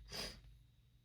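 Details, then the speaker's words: Woman with a sneezing fit, sneezes stifled at work, now released in her car; a single brief, forceful, hissing nasal burst, a sneeze, fading into quiet; she is unsure if allergies or cold. ">> Sorry, these are so much stronger. Uh after >> [clears throat and snorts] >> stifling and holding them back for so long."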